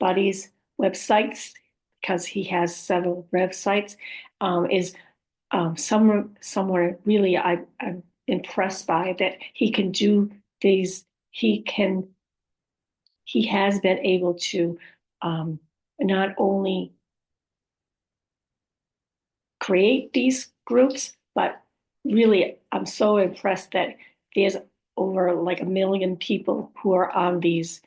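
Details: Adult woman with aphasia, apraxia of speech and dysarthria, describing her own speech as sometimes hard to understand; aphasia with apraxia of speech and dysarthria.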